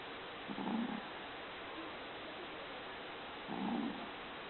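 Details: Small Maltese dog snoring during sleep: soft, low snuffling snores, two breaths about three seconds apart.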